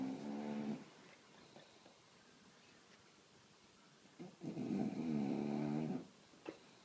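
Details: Sleeping bulldog giving two long, vibrating, buzzy snores with a quiet gap between, in a small room; snoring.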